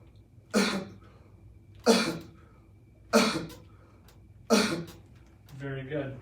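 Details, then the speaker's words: Quadriplegic man with spinal cord injury, physical therapist-assisted quad cough: four short, sharp coughs at even spacing, each pushed out with timed abdominal assistance, louder with more force; then a brief voiced sound. "How did that feel? That's better. It's very much louder, you can tell there's a lot more force production."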